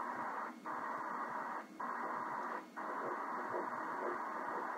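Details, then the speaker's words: Early ultrasound at 6 weeks 3 days of fraternal twin pregnancy; hissing Doppler signal with faint rhythmic pulses, one embryo's heartbeat measured at about 122 beats per minute; fetal heartbeat. "That is the baby's heartbeat. Good. We can definitely hear a nice heartbeat."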